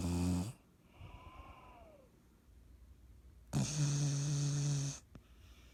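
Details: Loud, low, rattly snores a few seconds apart with quiet breathing between; ordinary snoring.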